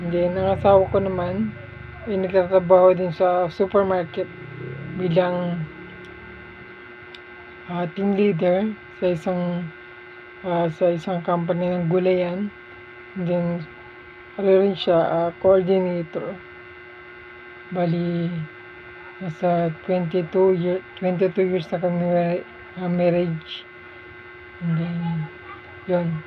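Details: 43-year-old man with motor neuron disease whose voice changed because of the disease so he can no longer sing, also with shortness of breath; dysarthria (motor neuron disease).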